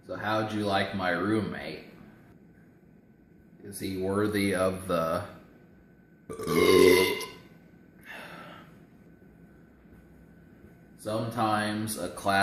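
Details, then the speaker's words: In a belching montage, about five long, deep, rumbling voiced belches separated by pauses, with a faint steady hum in the room: burping. "Yep, that one I felt the fume. I think fume is the right smell. You know, I caught a whiff of the fume."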